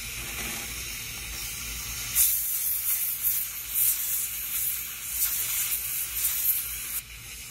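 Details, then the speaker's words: Dental air-water syringe rinsing a tooth during an MO amalgam restoration demonstration, after placing a mesial wedge: continuous hissing spray with brief bursts. "And then you would go ahead and rinse it. Sometimes you'll get a little bit of bleeding when you're doing this, and so you want to rinse after."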